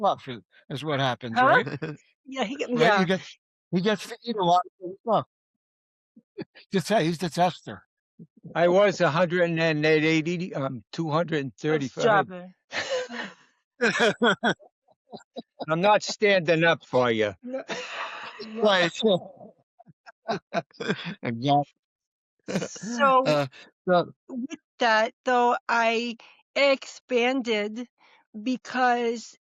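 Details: Adult woman, stroke and TIA survivor, diagnosed by a neurologist with expressive aphasia (Broca's aphasia).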